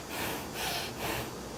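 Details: Nasal breathing.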